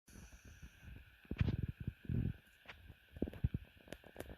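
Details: Sleeping pug snoring with his eyes open: loud, low, rattling snorts in quick bursts.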